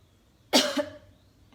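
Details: Nurse demonstrating the effective cough technique for a patient with breathlessness and phlegm that cannot be cleared: 4–5 deep breaths, breath held 1–2 seconds, then a single forceful cough.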